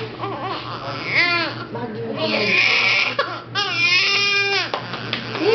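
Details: Baby with hiccups crying: loud, sustained infant wails rising and falling with whimpers between, adults soothing in the background.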